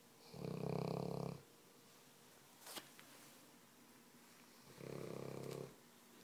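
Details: Big dog snoring while asleep: two fluttering, rumbling snores about four seconds apart in a quiet room.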